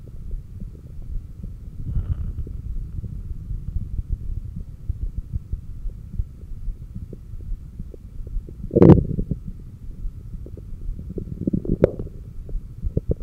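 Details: Bowel sounds (stomach growling) picked up by a stethoscope on the apex during breath-hold exercises: low rumbling with scattered gurgles and a few fairly strong louder growls.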